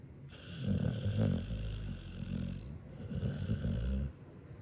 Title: Snoring sounds of a dog 🐶